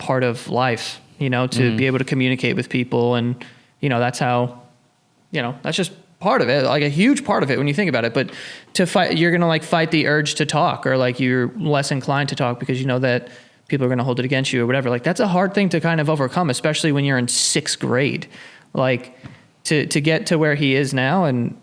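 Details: Adult man speaking; normal speech.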